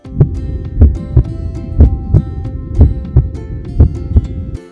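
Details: Heart sounds: paired low lub-dub thumps at about 60 beats a minute over a steady background hum.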